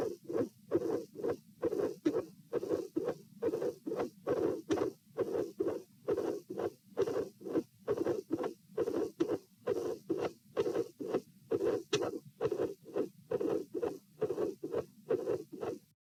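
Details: Regular heartbeat near 67 per minute with a rough midsystolic murmur at the pulmonary area in a patient with a dilated aortic root, recorded sitting, with irregular beats edited out.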